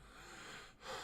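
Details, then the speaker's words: Wheezing breath in an adult with a lingering cold, coughing a lot and throat feeling closed up: heavy, noisy breath out then in with a faint whistling edge, sounding like after running a marathon. "you could probably hear like it sounds like I I've just run a marathon but it's just because my my throats just all closed up"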